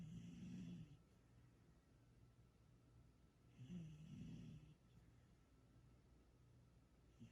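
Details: Sleeping female cat, possibly dreaming, giving two slow, low rumbling snores about three seconds apart, each with a fluttering buzz; snoring.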